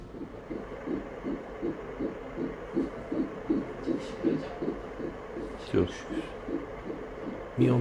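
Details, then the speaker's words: Early pregnancy ultrasound after a natural-cycle embryo transfer, in a patient with prior hysteroscopy; gestational sac seen: rapid regular whooshing pulses of a normal fetal heartbeat on Doppler, with quiet talk. "Daha doğrusu bakın şimdi şurada kalp atışını görüyoruz."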